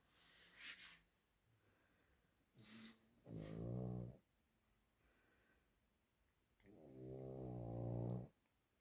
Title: Sonya is snoring, but Bonya decided to wash up #animals #dogs #cats #funnyshorts